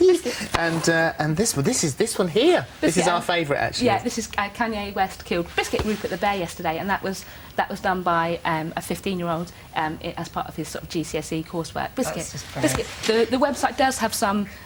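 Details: Adult woman with Tourette syndrome and frequent involuntary vocal tics; vocal tics (Tourette syndrome).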